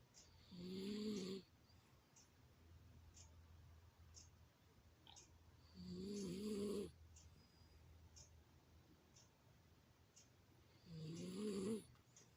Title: sleeping & snoring